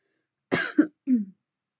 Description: Curvy brunette can't stop coughing heavily while vaping 😮‍💨